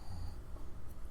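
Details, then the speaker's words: A bulldog asleep under the table gives a brief, low, muffled rumble carried through the table: ordinary snoring. "Okay, you can hear... Yep, that's the bulldog snoring. Sorry, guys. I'll wake her up a little bit."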